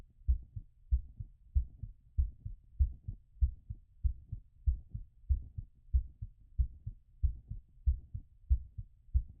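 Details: Heart sounds after exercise.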